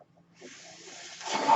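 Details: Breath cycle of the speaker's own mechanical ventilator, heard in the background while he talks.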